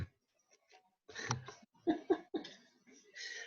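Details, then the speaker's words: Adult coughing in short, abrupt bursts mixed with breathy laughter in a quiet small room during an interview; the cougher says it's just allergies (pollen). "I'm just laughing because I was coughing Wow did you hear that okay don't worry everyone it's just allergies"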